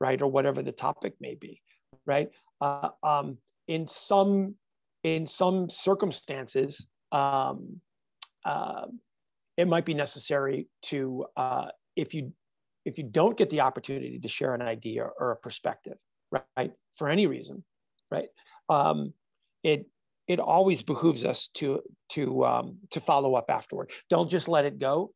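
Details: Adult man with stuttering, a fluency disorder since childhood; he says he stutters all the time, not only when nervous.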